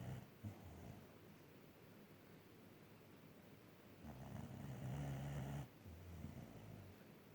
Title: Dog snoring while she's awake